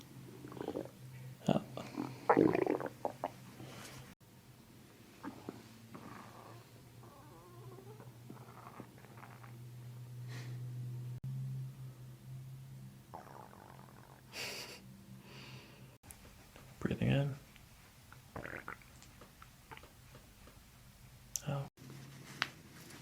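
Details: Stomach growling during a chiropractic session while the patient breathes in and out on cue: gurgling, rumbling abdominal noises in irregular bursts; ordinary bowel sounds (borborygmi).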